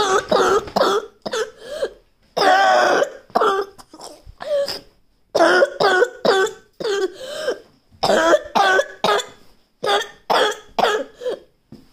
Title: me coughing a lot more than I usually cough 😷